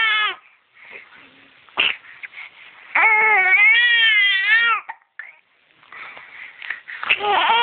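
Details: 9-week-old infant crying in a tantrum while having hiccups: high, wavering cry with short fussing sounds and catches of breath between cries.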